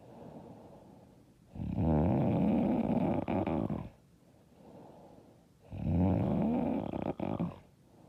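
Loud, rattling snores on each in-breath with softer breathing out, about two breaths in eight seconds, roughly 15 a minute.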